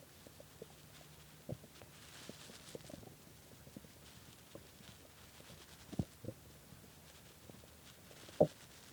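Soft, irregular gurgles and occasional louder pops over quiet background; bowel sounds of stomach growling from hunger.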